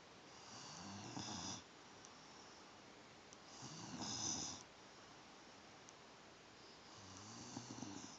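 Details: Sleeping female pet dog snoring: soft, rhythmic rattling snores with each breath, about 20 a minute, in a quiet room.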